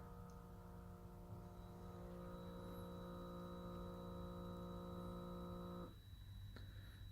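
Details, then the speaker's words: Steady low pump motor hum for about six seconds, then cutoff, as a wellness kiosk's automatic blood pressure cuff on the right arm, elbow on desk, locks and inflates; blood pressure cuff inflation. "you'll hear the cuff lock and then flate there's an abort button there on the screen there's also one on the side of the cuff here and you'll see it tightening up"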